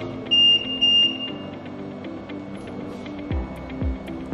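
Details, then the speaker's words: Vyaire LTV transport ventilator, simulated patient: two loud high-pitched alarm beeps over background music, a high pressure alarm triggered by adjusting the pressure limit setting. "untuk mengaktifkan alarm kita simulasikan bahwa si pasien ini mengalami kegagalan akan Nah bakal terjadi compressor kompresor karena gomet belum juga cara kerjanya kirim pesan riset"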